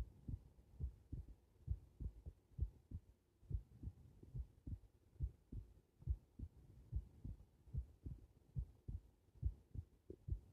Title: 仰向けで録音された心臓